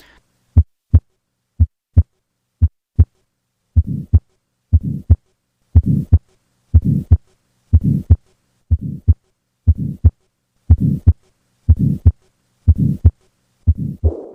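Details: Tetralogy of Fallot heard on cardiac auscultation: steady heartbeat near 60 a minute, soon joined by a harsh whooshing systolic murmur filling each systole.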